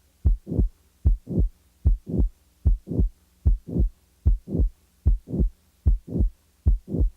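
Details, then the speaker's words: Patient with mitral valve prolapse: regular heartbeat near 75 per minute with a crescendo murmur filling late systole up to the second sound; late systolic murmur. "the next example is that of a late systolic murmur in a patient with a mitral valve prolapse"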